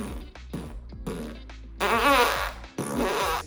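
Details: Tourette syndrome in a male: vocal tic, a lip-pursing tic sounding like flatulence, which he says he plays with and draws out; tics start as soon as recording begins.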